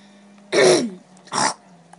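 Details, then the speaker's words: Adult gamer with a sore throat pauses his recording to cough: two harsh bursts of throat clearing and coughing over a steady background hum. "sorry I'm just going to pause it here a minute because I just need to cough there we go finished coughing"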